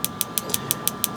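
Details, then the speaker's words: Radial shockwave therapy on an adult male's elbow extensor mass strain from gym overuse, at an intensity he calls just tolerable. Sharp clicking pulses at about six per second sound over a steady machine hum. "are you okay with this intensity yeah that's that's perfect I think if I had anymore I'd probably be unable to talk"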